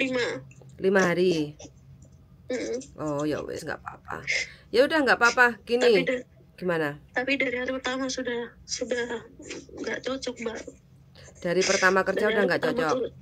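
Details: Adult women in conversation; ordinary conversational speech.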